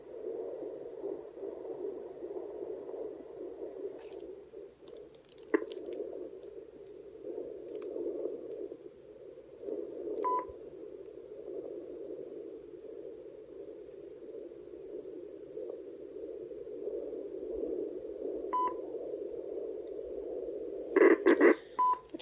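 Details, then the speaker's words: Rapid, rhythmic whooshing fetal heartbeat, about 150 a minute, picked up on a home handheld fetal Doppler with the mother lying back; her baby's rate is said to usually be up to 122, sometimes 170. "pretty much it her heartbeat is usually up to 122 sometimes 170"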